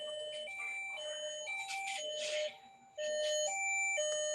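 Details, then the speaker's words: Medtronic implantable cardioverter-defibrillator implanted two months earlier in a female patient who presented with this alert and three shocks in two days: alternating two-pitch electronic tones repeating in short phrases, an audible ICD device alarm. "yeah it's audible so this is the alarm which the patient presented with"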